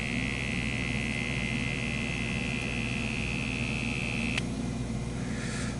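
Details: Ozeri CardioTech Travel Series wrist blood pressure monitor worn on the wrist with the hand held up, so readings may be off: steady whirring pump tone as the cuff inflates, stopping with a click on release, normal operation.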